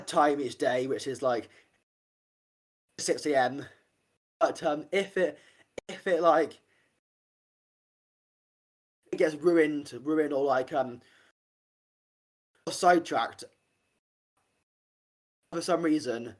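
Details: Adult man, an army medic becoming a personal trainer, who has a stammer; stuttering.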